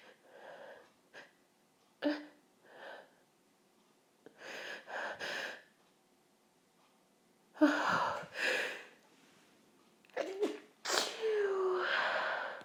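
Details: Woman sneezing after deliberately sniffing pepper, trying to hold back an intense nasal tickle: sniffing and sharp inhalations build to several explosive sneezes with snorting breaths between; nose burned afterward.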